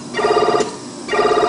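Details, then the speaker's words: Bear 1 adult ventilator low pressure alarm, circuit not connected to a patient so gas not delivered: rapid repeating electronic tone in two bursts, then silenced. "but there's no gas is not delivered to the patient at the right amount so there will be you know hello pressure alarm"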